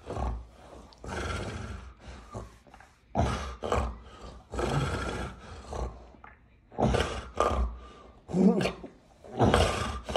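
Loud, rough, snoring and groaning noises in repeated bursts about once a second: seizure vocalizations with stertorous, obstructed breathing.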